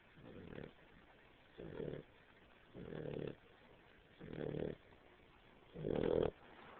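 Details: Snoring from Cooper, a puppy dog a little under 3 months old; poor audio quality.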